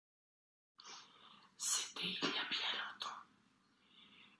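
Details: 50-year-old woman with unilateral vocal fold immobility after thyroidectomy, recorded at assessment before beatbox-based voice therapy: very breathy voice.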